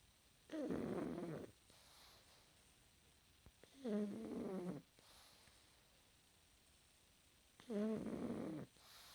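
Three rough, buzzing snores about every three to four seconds, with quiet pauses between them. A pug snoring while asleep.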